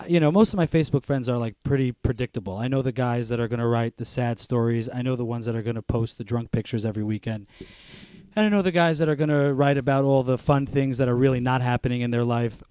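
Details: Adult man speaking; Normal fluent speech.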